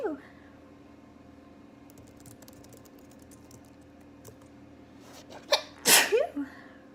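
A quiet room, then a quick indrawn breath followed by one sharp, explosive sneeze with a brief trailing sound; a single ordinary sneeze.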